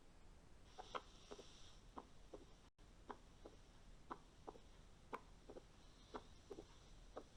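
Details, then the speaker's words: A paediatric cardiology teaching recording of heart sounds at about 60 beats a minute, where S1 is louder than normal S1 while the valve is normal; accentuated first heart sound. "الاس 1 لو قارنتها بالاس 1 اللي انت سامعها عليك هتلاقي الاس 1 هنا اكسنتويتد زايده، بتدي صوت اعلى. يبقى ده الاكسنتويشن."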